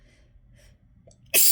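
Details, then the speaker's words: Adult woman feeling sneezy in rainy weather, at work without tissues: quiet breathing and a faint inward catch after sniffing, then one sudden loud explosive sneeze, part of a sneezing fit. "Shoo. Shoo. Gosh. I mean, that was just from trying to sniff some of this back, and of course I don't have any tissues."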